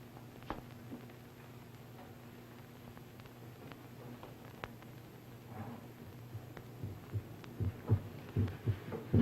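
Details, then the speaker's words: Normal heartbeat: soft, low thumps at about 78 a minute, clearer near the end, under hum and hiss; the listener says it is loud. "Hey, this pretty loud. Yeah. Wait a minute. I can hear it without this thing."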